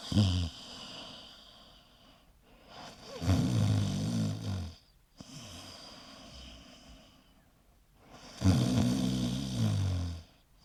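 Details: Snoring sound effect: loud, low, rattling snores on each in-breath, about three in ten seconds, with quieter breathing out between them.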